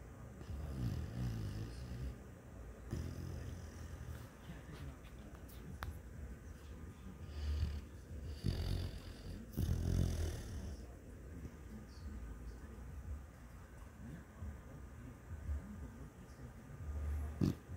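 Low rumbling snores in an irregular rhythm, with a few louder snorts; snoring during sleep.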